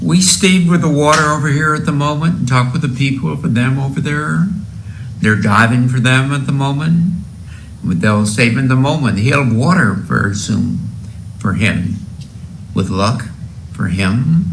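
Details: Fluent aphasia in a male patient met during neuroscience research: his sentences flow and sound reasonable, but there are huge gaps in the meaning of the words.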